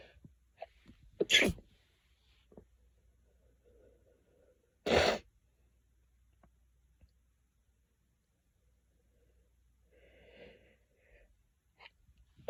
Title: Lots sneezes